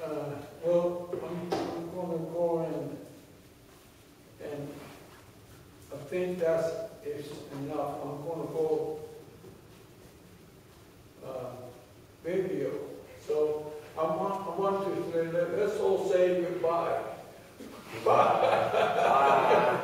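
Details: Member of a stroke aphasia reading group; aphasia after stroke.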